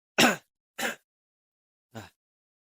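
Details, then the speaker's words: Adult coughing suddenly while recording a tutorial: three short harsh cough bursts, each fading fast, quiet room between; cough. "aduh mohon maaf sekali ya kawan-kawan ya, ini rekaman sambil terbatuk-batuk ini."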